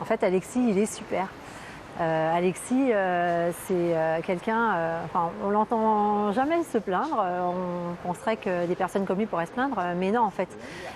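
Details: Adult speaker, French; normal speech.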